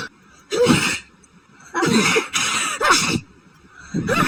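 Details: Person's sneezing fit after going outside to check the mail during a very high pollen count, a possible new grass allergy: four or five forceful, harsh sneezes in quick succession.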